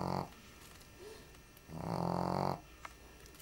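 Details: Shih Tzu sleeping on the floor during a heat wave: two rough, buzzing breath sounds separated by a quiet pause; snoring.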